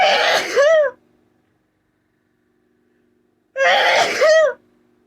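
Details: Two forceful, messy sneezes while talking, each with a sharp inhaled build-up and voiced release, about three seconds apart, in a small quiet room; sneezing.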